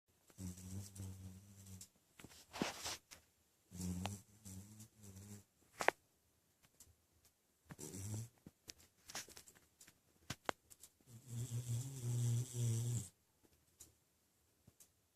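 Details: Cavachon dog snoring in a quiet room: repeated low, buzzing rumbles on each breath, with some snorts and clicks.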